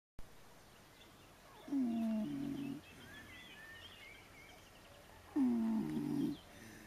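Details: Two harsh, grunting, snorting snores about four seconds apart with quiet breathing between, during an afternoon nap in a puddle; loud snoring.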